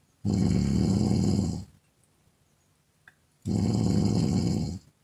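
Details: Two loud, rough, low rattling snores on inspiration from a woman, separated by quiet pauses, about 19 breaths a minute: snoring.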